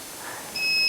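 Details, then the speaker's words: Steady high-pitched electronic beep on unlocking the central brake of an ICU hospital bed (model YA-D6-1); bed brake-unlock safety alarm. "when you unlock the bat the unlock safe alarm will be triggered"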